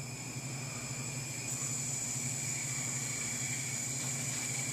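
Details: Oxygen-driven large volume nebulizer on a 1 L sterile water bottle with large-bore aerosol tubing, FiO2 set by adjustable collar, flow meter at 12–15 L/min: steady hissing flow with a faint high whistle.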